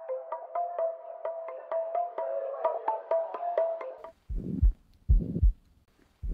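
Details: Heart murmur played as a real-life recording in an end-of-video practice set; whether it is systolic or diastolic is not stated.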